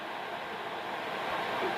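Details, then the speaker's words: Löwenstein Medical CPAP machine for sleep apnea, used for a month, recorded near the rear filters after soft start, mask not on: steady soft airflow hiss and hum, rising slightly toward the end. "using it at night you you don't even really notice it you do it first you just hear a slight sort of worm then you forget it um it's not like big and noisy thing"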